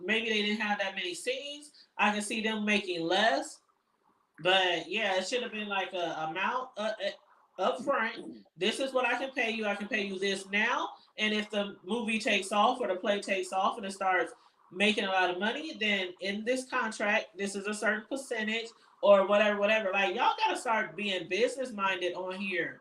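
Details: Dysphonia in an adult woman whose vocal cord was accidentally touched during recent thyroidectomy; hoarse, altered voice; she expects recovery in a couple of months.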